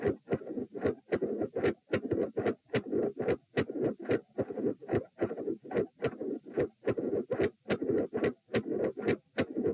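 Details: Heart sounds recorded lying down, during manoeuvres to provoke murmurs: regular rhythm about 73 a minute with loud, split S1 and S2 and a midsystolic murmur.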